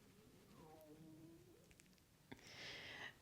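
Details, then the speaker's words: An adult doing a gentle Pilates flow while lying on her back, opening the arms in a hovering T stretch: squeaky, gliding gurgles of a rumbling stomach, then a brief rustle; ordinary bowel sounds (borborygmi) that she says happen when lying supine. "I don't know if you can hear the interesting noises my stomach's making. Last 2, it happens when I lie onto my back, and it's just one of those things."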